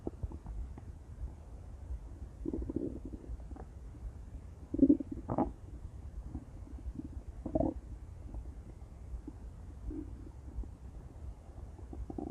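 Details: Intense stomach growling: low gurgling rumbles and a few louder bubbling growls over a quiet background, ordinary bowel sounds.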